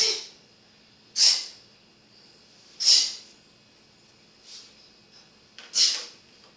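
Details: A person doing homework on a living-room sofa begins sneezing: four sharp, hissing bursts about 1.5 seconds apart with a fainter one between, then stands up to close the window; repeated sneezing.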